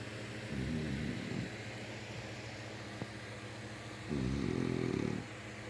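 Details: Two loud, buzzing inhaled snores about four seconds apart over steady room noise from a sleeping grandmother; snoring.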